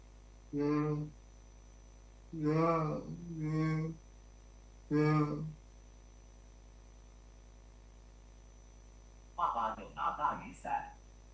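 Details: Recording of a speaker whose hands are also affected, making typing very slow; severely unclear dysarthric-type speech, likely followed by the same speech normalized to clear speech by a personalized automatic speech recognition system.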